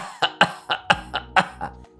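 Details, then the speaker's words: Imitated pertussis (whooping cough) cough as a pediatric teaching demonstration: a paroxysmal run of dry coughs in bursts ending with an inspiratory whoop; paroxysmal cough of pertussis. "La tos del coqueluche o la tos del tiene una característica muy muy particular. Es una tos en quintas [risas] con gallo inspiratorio."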